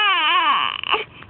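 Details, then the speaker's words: One loud, high-pitched wavering cry dropping into a short whimper from baby who wants to be held; ordinary infant cry. "Oh bakit parang iiyak ha o oh oh Iiyak na oh ha Bakit iiyak"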